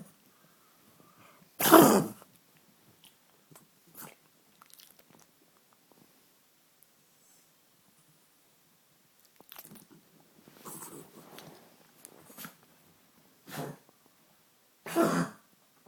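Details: Older pug coughing, recorded to show the vet: a few short, harsh coughing bursts separated by quiet pauses.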